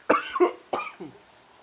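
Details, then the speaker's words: Adult man coughing fit after inhaled smoke went down the wrong pipe: short run of harsh, throaty coughs in two quick pairs, outdoors. "I'm not sure how, but it went down the wrong pipe somehow. Which is weird because it's supposed to go in my lungs."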